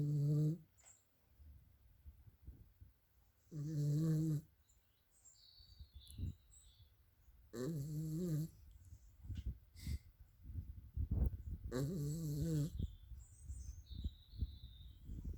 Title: Sleeping dog snoring